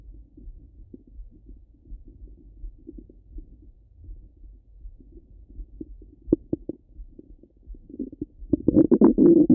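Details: Stomach rumbling from a half-hour recording: soft gurgling and popping bowel sounds that build into louder rumbling at the end.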